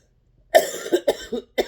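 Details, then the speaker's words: Adult woman with a sore voice gives a short run of about four coughs, the first strongest, in a quiet room: cough. "Sorry about my voice and the coughing, but I want to get my readings out."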